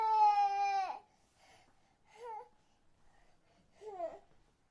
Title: Sound Effect - Baby Cry Long | No Copyright